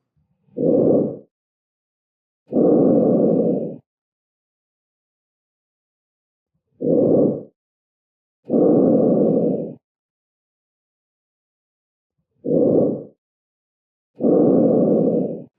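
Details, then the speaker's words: Normal tracheal breath sounds heard at the start of anterior chest auscultation over the extrathoracic trachea, stethoscope on skin: loud, harsh, high-pitched, hollow, with inspiratory and expiratory phases of similar length; three slow cycles. "ruidos ásperos intensos y agudos que se escuchan sobre la porción Extra torácica de la tráquea los componentes inspiratorios y expiratorio tiene una duración más o menos similar"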